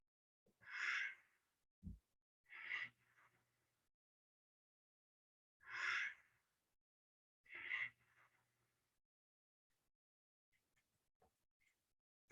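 Slow, quiet breaths, each inhale and exhale followed by a long pause, about 10 to 12 breaths a minute: bradypnea, an abnormally slow breathing rate.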